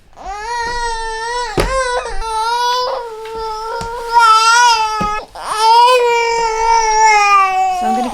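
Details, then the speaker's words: Six-month-old baby girl crying before a meal of solids: sustained rhythmic tonal wails with short catches of breath; hunger cry that stops once she is given food. "it's getting a bit hangry"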